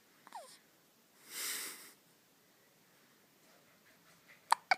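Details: Hiccups in a four-day-old newborn just home from the hospital: soft, brief, squeaky catches with a rustle and a couple of sharp hiccup sounds at the end.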